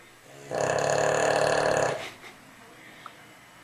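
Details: Boston Terrier dog snoring: one long, loud, buzzing snore of about one and a half seconds, then a quiet room.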